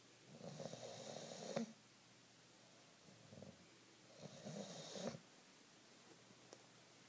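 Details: 9-month-old female bulldog sleeping after her walk with her tongue out; she always snores. Two rattling, snorting snores on slow breaths, ending with a sharp snort; snoring.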